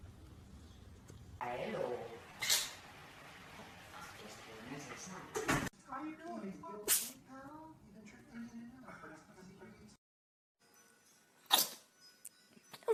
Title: Cats Sneezing Compilation